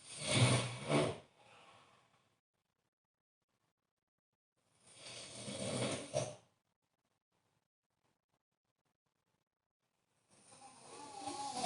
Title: snore snore